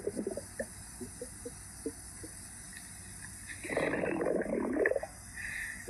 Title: Duolingo stomach growls